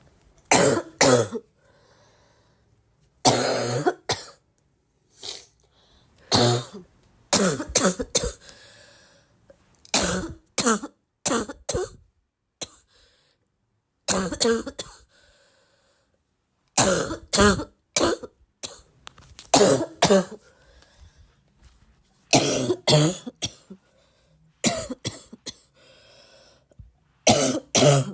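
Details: Girl with repeated harsh, forceful coughs in short clusters, barking quality, brief quiet pauses between; barking cough.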